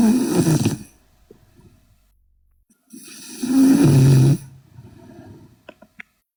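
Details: Korean girl asleep: two loud, rough, low snores on inhaling, quiet pauses between, faint clicks at the end; loud snoring.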